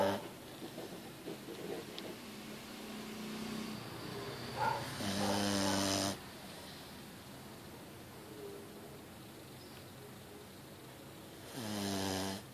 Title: JOE - American Bulldog - Snoring